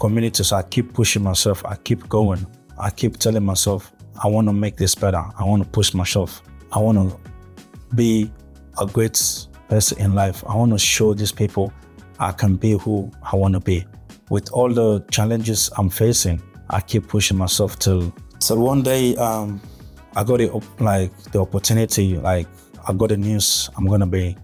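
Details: Adult man who has stuttered since childhood, with blocks and gaps when speaking; natural speech; stuttering.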